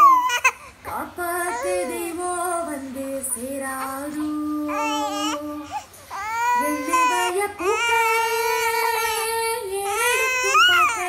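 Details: Infant crying in drawn-out, high-pitched wails while the song "Ellu Vaya Pookalaye" from Asuran plays in the background.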